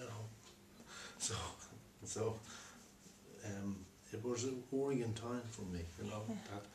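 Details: Man with aphasia from a stroke four years earlier; at first he could neither understand nor speak, and his speech, writing and reading have improved since; aphasia.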